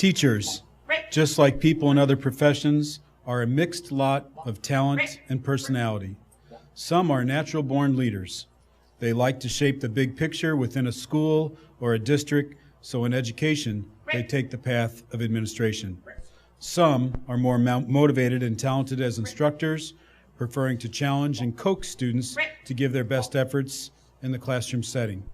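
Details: Adult male presenter; Normal speech.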